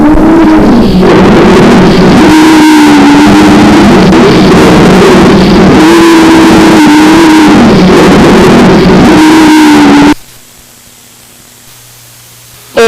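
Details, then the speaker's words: Loud, musical, whistling wheezes (sibilant dry rales) through repeated breath cycles, in both phases but mainly on expiration, from narrowed small airways as in asthma. "pájaros o al silvido del aire al pasar por una hendidura se oyen en todo el tórax y a veces son escuchados a distancia son movibles y cambiantes aparecen los dos tiempos respiratorios principalmente a la expiración"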